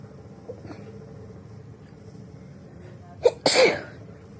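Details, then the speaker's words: Woman deliberately trying to sneeze repeatedly with a handkerchief, eyes watering; a quiet indrawn breath, then one sharp, forceful sneeze over steady room noise. "একটা হলো, দুটা হলো, হচ্ছে না। আর হবে বলে মনে হচ্ছে না।"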